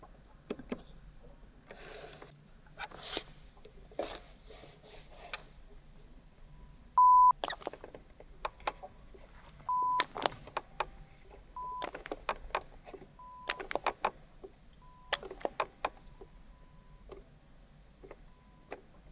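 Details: Short steady beeps at one pitch, growing fainter, among clicks and rustling in a quiet room: pure-tone audiometry tones, from a binaural recording of a hearing test.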